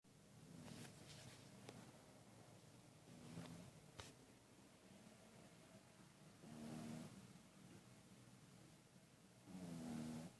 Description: Pug-a-Poo ( Otis ) is snoring